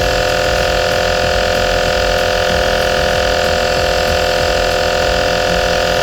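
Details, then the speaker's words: Steady loud mechanical hum with fast, regular vibration from an Omron NE-C101 compressor nebulizer bought for a child, running in a demonstration with air coming out. "Nah, ini ada anginnya yang keluar teman-teman."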